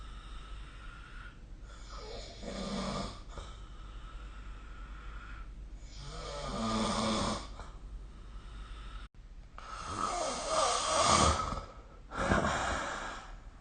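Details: Harsh, rattling snores on the breaths, growing louder, about four breaths over roughly fourteen seconds, recorded with the SnoreLab snoring app during sleep. Snoring.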